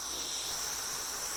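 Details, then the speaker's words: ResMed AirSense10 CPAP machine with AirFit P10 nasal pillows, used for sleep apnea, switched on with one button: steady, high-pitched airy hiss of airflow. "basically all you have to do to turn this on is hit this button my doctor was like the only thing you'll need to know is one button and it's pretty true and then you'll hear this area come on"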